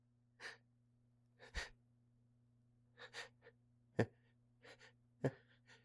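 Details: Male with a tickly nose: a run of quick, hitching breaths and short stifled sneeze bursts, several in a row, over a steady low hum. Sneezing.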